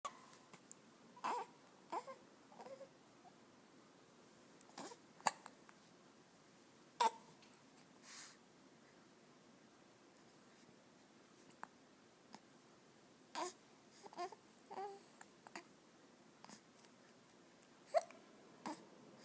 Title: Baby hiccups